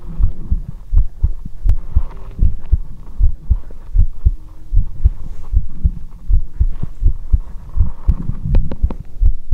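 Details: Steady low thumping heartbeat through a stethoscope, about 79 beats a minute, with soft rubbing noise, recorded for ASMR: normal heart sounds.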